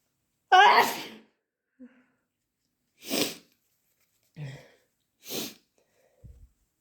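One loud forceful sneeze, then two sharper sneezes a couple of seconds apart, with brief sniffs between; repeated sneezing.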